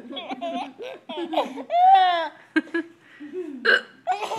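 Abrupt hiccup catches from an adult mixed with a baby's bright giggles and some talk; hiccups.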